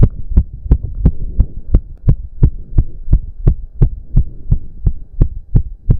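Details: Male during a 15-minute intense cardio workout with heavy breathing: rapid, regular, forceful heartbeats at about 170 per minute over a steady low hum, which the man himself put close to 200 bpm; exercise-induced sinus tachycardia.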